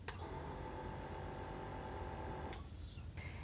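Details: Steady high-pitched hiss with a low motor hum from a home nebuliser running, producing mist.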